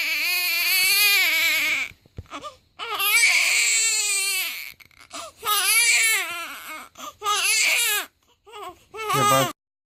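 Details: Newborn on day 18 of life crying in strong, high-pitched wails separated by brief catch-breaths, a typical healthy cry; newborn crying.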